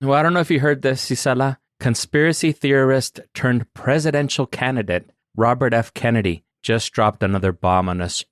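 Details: Adult male voice, possibly synthesized; normal speech.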